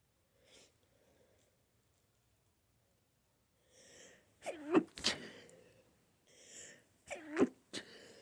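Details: Sneezing fit attributed to allergy to flowers: quiet sniffs, then two sharp sneezes each preceded by a drawn-in breath, plus a softer third burst.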